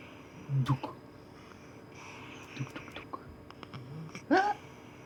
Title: siamese cat snoring